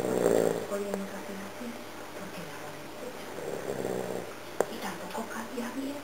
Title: Ronquidos.wmv